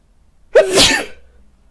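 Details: Sneeze from a person in a Santa Claus outfit wearing a facial mask and white headphones: a single sharp, explosive sneeze with a brief intake before and a quick fade.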